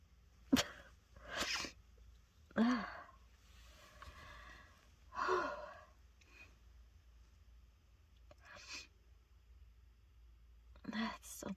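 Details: Adult congested from a cold, after a dose of chhinkni (sneezing powder): about six forceful sneezes in a row with breaths and sighs between them, an uncontrollable run of repeated sneezing.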